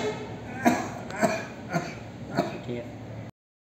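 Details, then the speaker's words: A few short, soft voluntary coughs from a male patient on request during a hernia examination, as the examiner holds a thumb over the deep inguinal ring for the deep ring occlusion test, over a faint background hum. "এবা আমরা thumb finger রাখবো এবং পেশেন্টকে বলবো বাবা আপনি কাশি"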